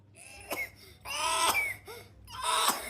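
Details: A child eating jelly gives three sharp coughs, with strained, whimpering voice sounds between them; acute cough.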